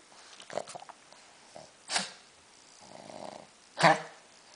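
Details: Small dog coughing and seemingly choking: two sharp, harsh bursts with soft snuffling between them, a dry cough with a choking quality.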